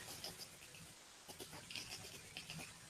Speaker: you hear what you could describe as wet breast sounds CHF is more of a it's more of a crackles in the backles